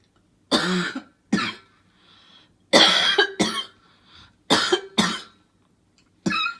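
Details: Seven loud, harsh coughs, mostly in pairs, with short quiet gaps between them; repeated coughing.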